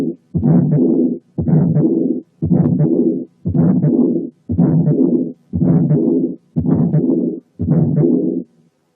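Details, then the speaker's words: Heart case with both systolic and diastolic murmurs, played to contrast with a pericardial rub: a long, harsh murmur fills most of each beat at about 58 a minute, with only brief pauses. "هسمعكم صوت حالة فيها both systolic and diastolic murmurs عشان تعرفوا الفرق بينها وبين الرب."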